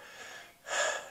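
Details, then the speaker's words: Deep breathing heard through a stethoscope on the front and sides of the chest, demonstrating auscultation: soft airy breath noise in and out with no wheezing or crackling, indicating clear, normal breath sounds. "breaths and if it's clear and there's no obstructions nothing that sounds like like like wheezing or crackling or anything that can is considered like outside the normal of what you would say is clear lung sounds then it's that's going good"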